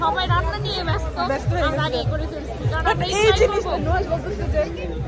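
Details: Adult speaker; normal voice.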